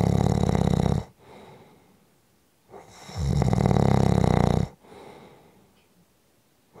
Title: Short Snoring Audio Clip 5 Minutes